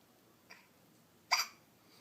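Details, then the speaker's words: Two short, sharp gasping hiccups in a quiet room, the second louder; hiccups. "What you doing? You got hiccups? I have hiccups too. It's going around."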